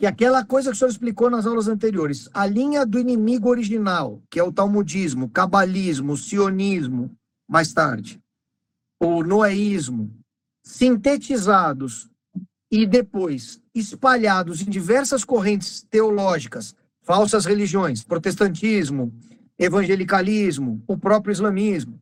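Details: Adult speaker; ordinary speech.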